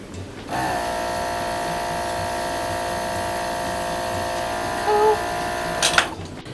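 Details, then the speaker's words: Steady high motor whine for about five seconds, then off: a portable suction unit switched on with thumb on the valve in a simulated paramedic OSCE demonstration of rigid-catheter oral suctioning, patient lateral, under 10 seconds. "So all you're going to do is just put your thumb on the valve, turn it on."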